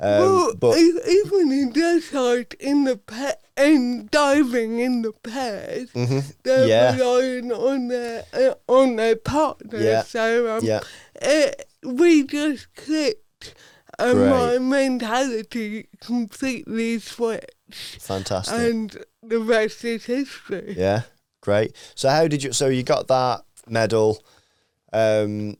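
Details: Adult woman, Paralympic dressage rider, with athetoid cerebral palsy from birth that affects her speech; real, not acted; dysarthria due to athetoid cerebral palsy.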